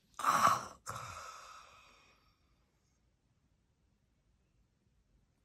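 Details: Actively dying hospice patient in the last phase of life: two sighing, slightly voiced moan-like breaths, then about three seconds of silence before the next breath; end-of-life breathing with pauses and rhythmic moaning.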